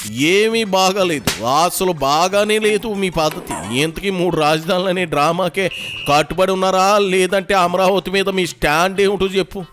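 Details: Adult male speaker; Normal fluent speech.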